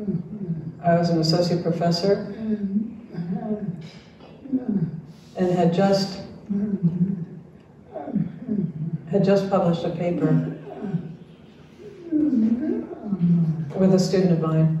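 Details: Adult man diagnosed with ALS in late 2021, with neurologic jaw clonus causing jaw trembling; his wife translates his speech; real patient; dysarthria (ALS).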